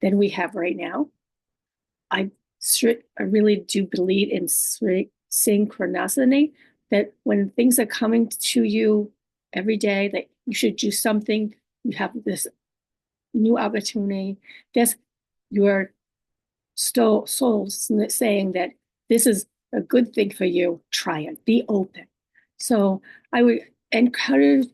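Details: Woman living with aphasia, apraxia of speech, dysarthria and other communication disorders; her speech is sometimes hard to understand and distorted; aphasia with apraxia of speech and dysarthria.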